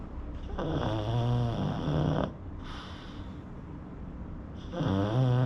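Two long rattling, buzzing breaths with a quieter breath between them; snoring in a short-nosed dog.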